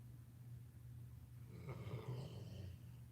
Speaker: can you hear him I mean he's like right there snoring